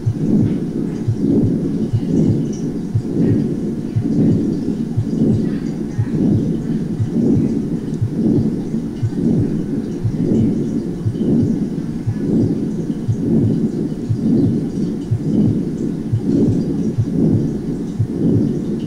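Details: Continuous machinery murmur of patent ductus arteriosus: a steady rumbling, diamond-shaped murmur that starts with the first heart sound and runs on to the next first heart sound, swelling with each beat.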